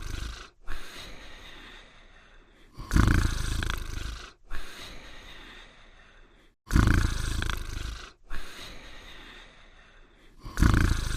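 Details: Deep, slow, steady rumbling snores, about 16 a minute, each trailing off into an exhalation, from a dog snoring in sleep.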